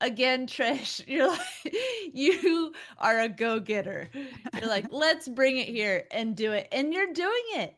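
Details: Adult woman speaking; ordinary speech.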